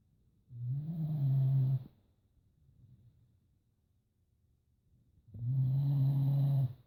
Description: My dog snoring very loud